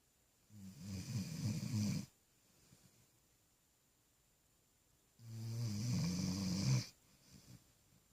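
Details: Sleeping puppy snoring while apparently dreaming: two drawn-out, low, vibrating snores with a quiet pause between, plus faint soft snuffles; ordinary snoring.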